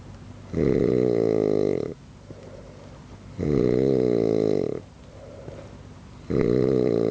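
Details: Man snoring through the night, keeping another person awake: loud, droning, vibrating snores on each in-breath, about 20 a minute, with quieter out-breaths between; snoring.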